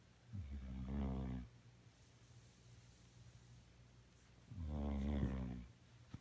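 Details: Two loud rattling snores about four seconds apart, roughly 15 breaths a minute, with quiet exhalations between; ordinary sleep snoring.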